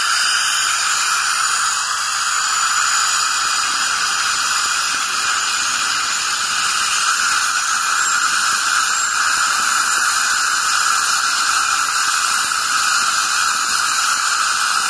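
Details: Steady high hiss and whine of an ultrasonic scaler with water spray and suction during routine removal of plaque and tartar (calculus) from the teeth; dental scaling, ASMR recording.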